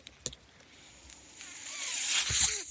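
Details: The speaker's own mechanical ventilator sounds as he closes a podcast: a soft hiss of air swelling over about a second as a breath is delivered; mechanical ventilator breathing cycle.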